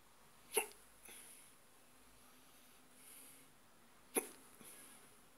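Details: Stubborn, persistent hiccups: two abrupt, sharp hic sounds about three and a half seconds apart in a quiet room.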